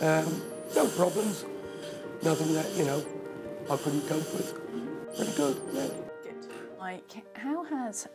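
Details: Adult male, tracheostomy for two years after severe breathing problems, finger occlusion of the uncovered tube, breath-limited phrasing and shortness of breath; speech with a tracheostomy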